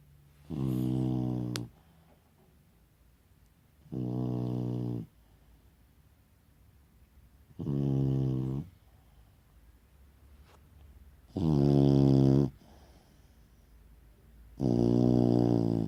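Five regular, low, buzzing snores about every three and a half seconds, roughly 17 a minute, with quiet between them. Ordinary snoring in a sleeping dog.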